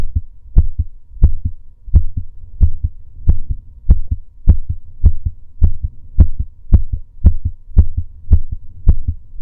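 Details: Male heartbeat recorded during breath holds (breath play): a steady, low lub-dub at about 105 beats a minute with a soft hum beneath.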